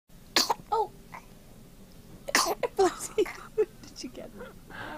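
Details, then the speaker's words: Baby's first hiccups: short, sharp, irregular bursts with brief voiced catches over quiet room noise; hiccups. "Hopefully still has the hiccups because I don't think I was recording. Aww. That's okay. Yep, they're there."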